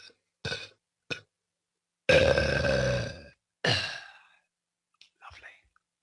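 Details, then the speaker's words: Voluntary burping: a series of quiet, short burps, then a long, drawn-out voiced belch. "Can you like inhale and like burp again? Or do you not have that strat?"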